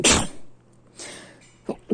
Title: sneezing.